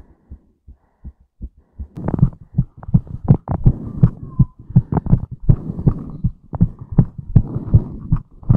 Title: FAST HEARTBEAT COMPILATION